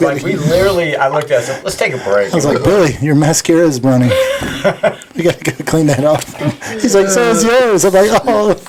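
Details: Adult speaker; typical speech.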